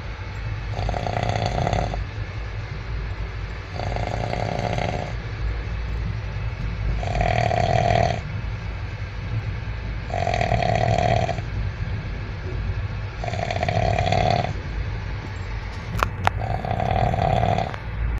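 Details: Man snoring while asleep on a train: regular rasping snores about every three seconds, roughly 20 a minute, over steady train rumble.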